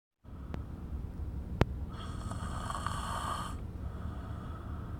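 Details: Light snoring: a single soft, hissing, whistly breath noise lasting under two seconds against room noise.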